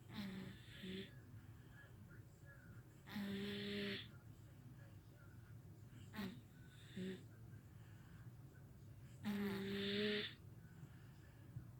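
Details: A sleeping 1-year-old boy who co-sleeps with his parents snores regularly, with loud rattly bursts and a faint tonal edge on each breath about every three seconds, in a quiet room.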